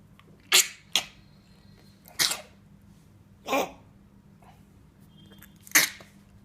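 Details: 37-day-old Labrador puppy coughing with a vet-treated throat infection, caused by eating something hard that scratched his throat; cough syrup prescribed.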